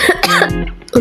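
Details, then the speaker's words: Brief cough with a throat-clearing quality from someone who has a runny nose and has had a cough for several days, over soft background music. "bikin leak banget di tenggorokan soalnya aku lagi batuk guys beberapa hari ini"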